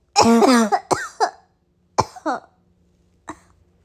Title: Bad allergies-= bad cough